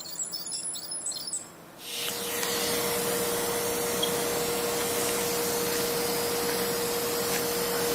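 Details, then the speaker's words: Dental ultrasonic tip used gently on the calcified pulp chamber floor of a first upper molar during root canal access, area kept dry; steady high-pitched whine with hiss and spray. "So, ultrasonic to navigate a bit more in this area very gently."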